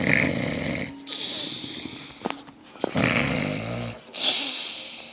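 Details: Snoring from someone who claims not to snore: loud, rough snores on each in-breath with whistling nasal tones and a brief snort between breaths.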